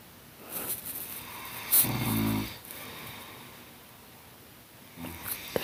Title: Snore off... Part 2